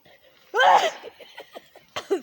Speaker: oh he just made a giant enormous sneeze